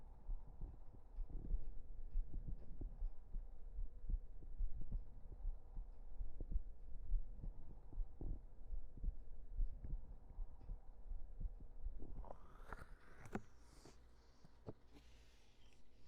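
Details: Regular low heartbeat thumps at about 70 a minute over a low hum, with brief rustling near the end, recorded close up for relaxation ASMR; an ordinary heartbeat.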